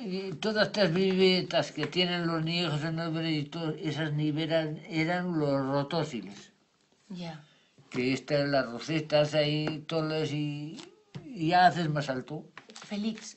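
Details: Man with Wernicke's aphasia after an ischemic stroke caused by an operation; impaired comprehension; produces words without real meaning and invented jargon while keeping some correct information.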